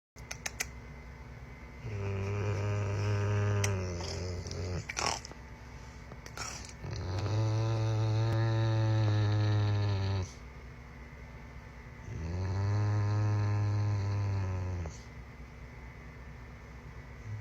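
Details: Rottweiler dog asleep after acting aggressive in play: three long, loud, rumbling snores spaced several seconds apart, each a couple of seconds long, with quieter breathing between. Snoring.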